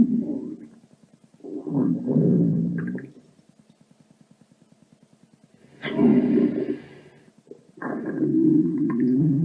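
Low gurgling, growling rumbles with a fast bubbling run between them: stomach rumbling from a sound-effect recording.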